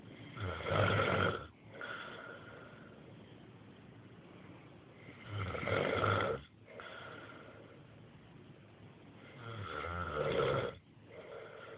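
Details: Loud rattling snores on each breath in, about 13 a minute, with quieter breathing between: ordinary adult snoring in a sleeping man who says he snores only when tired.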